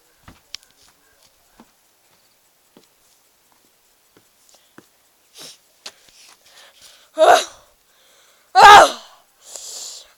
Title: Super Sneezes